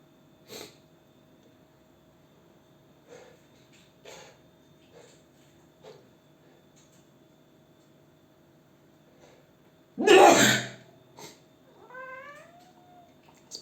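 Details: Quiet sniffing and small noises, then one loud explosive sneeze, followed by a rising cat meow: sneezing.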